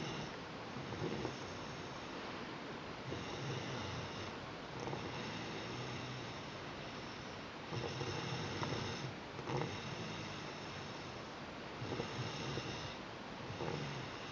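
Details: Noisy, harsh vibrating breaths recur throughout: inspiratory stridor from laryngomalacia in a child.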